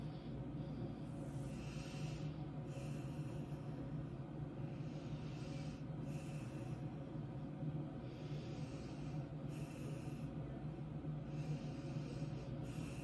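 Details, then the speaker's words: Voice task recording, participant breathing deeply through the nose five times: repeated soft, airy nasal inhalations and exhalations over a steady low room hum. "for the second task breathe deeply through your nose five times"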